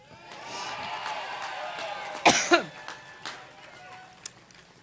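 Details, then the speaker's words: Two sharp, harsh coughs over crowd and room noise, then faint throat sounds, as a woman speaks at a Cleveland campaign event and blames an allergic reaction; one of repeated coughing attacks. "Now, once I get over my allergic reaction, let me say that we're here in part because we know how important thi"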